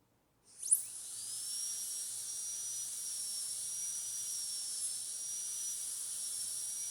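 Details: Piercing high-speed dental drill whine rising to full speed, running steadily while finishing the proximal and other surfaces to an even shoulder finish line with a flat tapering burr, in metal ceramic posterior crown preparation of tooth 46.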